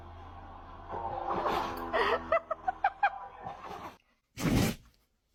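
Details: Dog sneezing: snuffling and short nasal snorts, then one sharp, explosive sneeze burst near the end.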